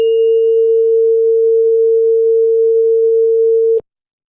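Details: Steady pure tone lasting about four seconds, then stopping abruptly, in a simulated Rinne tuning-fork test. Result was positive for the right ear and negative for the left, in a simulated audiology case of Ménière's disease.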